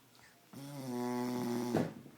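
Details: A person asleep, snoring: a single drawn-out, buzzing, droning breath sound with a rising burst at the end, typical of a loud snore.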